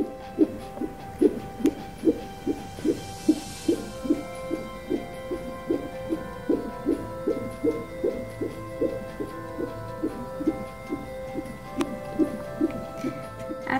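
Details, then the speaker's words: A fetal heartbeat picked up by a home Womb Music baby Doppler monitor and recorded to a computer, with an RN demonstrating. Rapid, regular whooshing pulses at about 145 a minute. "would see I found your baby's heartbeat you will want to start the recording on your computer"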